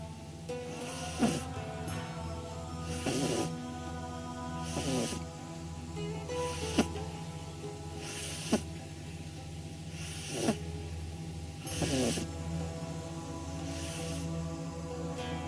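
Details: 9-week-old pug puppy sleeping on her back, rolling her eyes back: soft, rhythmic snuffling snores about every two seconds, with a steady hum and faint background music; recorded on a phone.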